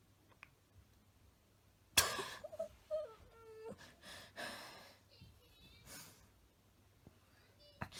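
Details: Sudden sharp gasp, then strained moaning and whimpering between halting breaths from a young girl, coaxed to open her mouth and breathe; breath-holding tic episode in Tourette syndrome.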